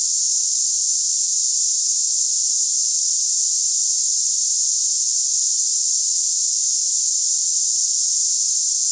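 Steady high-pitched hiss with no breaks, a simulated cicada-like tinnitus sound.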